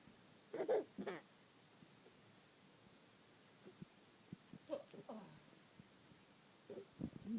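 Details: Morning hiccups: several brief, abrupt voiced catches, some in quick pairs, separated by quiet pauses in a still room.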